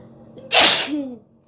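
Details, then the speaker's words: Woman deliberately provoking sneezes by poking inside her nose with a stick during a ten-sneeze challenge: a short breath in, then one sharp, explosive sneeze with a brief voiced tail. "Seasoning challenge. চলো, কটা হাঁচি আমি দিতে পারি দেখো।"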